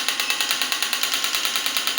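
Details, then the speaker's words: Clinical horizontal electromagnetic shockwave therapy device for orthopedic care firing after frequency was raised to a maximum of about 14–16, with energy slightly lowered: rapid even clicking pulses, roughly nine per second, with a bright hiss. "और अब जैसे कि मैंने shots बढ़ाए हैं, frequency बढ़ाई है, तो आप देख सकते हैं कि ये शॉट्स जो है वो भी इंक्रीज हो गए हैं।"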